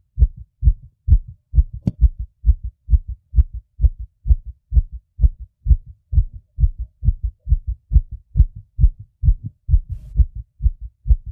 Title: my fast heartbeat sounds